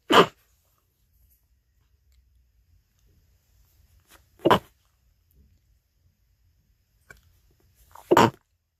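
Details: Three short, half-stifled sneezes a few seconds apart in a quiet room, from a person with a cold: muffled sneezing.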